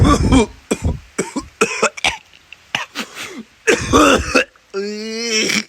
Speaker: I had to go outside so know my [ __ ] cough my brains out